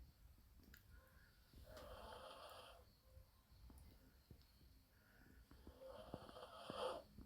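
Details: Small female dog, Minnie, described as tired, lightly snoring while asleep: soft, slow rattling breaths repeating in a quiet room.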